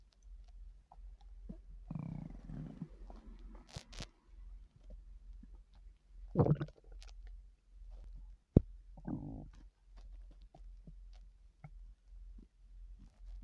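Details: Loud borborygmi: low gurgling stomach rumbles and squelches in irregular bursts over a steady low hum.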